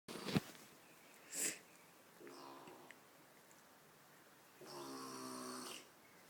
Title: My grandma snoring